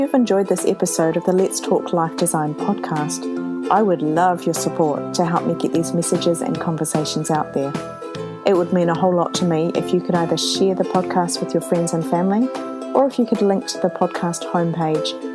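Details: Adult woman speaking; normal fluent speech.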